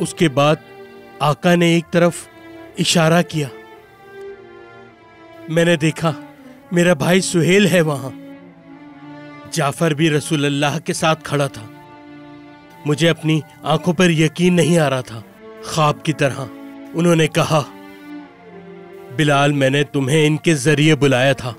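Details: Adult male voice actor; typical speech.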